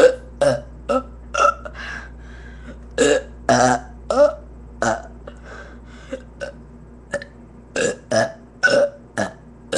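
A long series of about twenty loud, throaty belches in quick succession, with short gaps between them.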